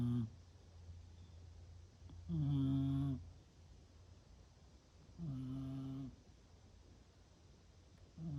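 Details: Sleeping female, not woken even by a sneeze: regular tonal, buzzing snores, each just under a second long, about 20 a minute in a quiet room; ordinary snoring during sleep.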